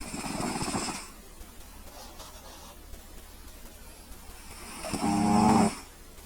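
Two loud, buzzing snoring breaths separated by a quieter stretch; a harmless snore from a napping cat.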